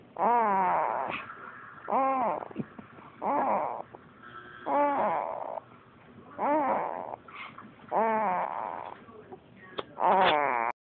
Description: My son sounds like he is snoring. Actually making that noise with his mouth.